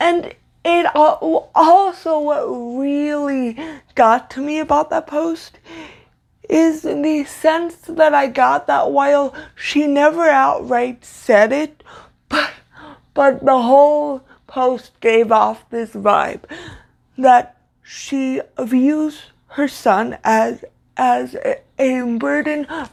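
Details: Stuttering (disfluent speech) in a woman with cerebral palsy, a neuromuscular disorder she says affects motor control including speech; her stutter worsens when reading aloud; here spontaneous speech.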